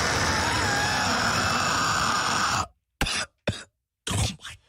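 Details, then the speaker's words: Long harsh rattling, groaning sound from the lungs of an adult man, painful to produce and likened to a death rattle, then three short rough crackly cough bursts: rattling crackly cough. "oh what was that it's like a death rattle listen oh oh that's crackly that is crackly"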